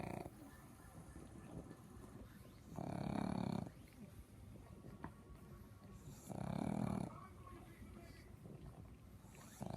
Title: Just a snoring pug